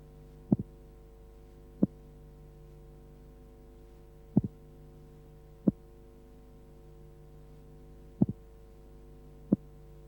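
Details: Simulated heart sounds for transposition of the great arteries, played slowed down, ignoring respiration, over a steady hum: split first sound and a single second sound with no pulmonary component.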